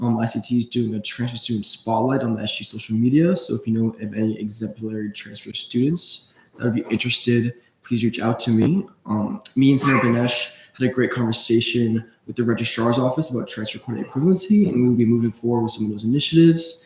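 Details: Adult speaker; typical voice.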